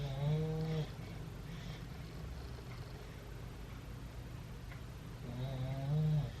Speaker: you hear my dog snoring? My pug snoring beside me here. And then probably hear my pit snoring on the bed.